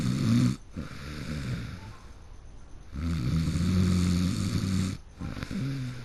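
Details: Person who fell asleep in the middle of a game: loud, rough, low rumbling snores on each in-breath, separated by quieter out-breaths; heavy snoring during sleep.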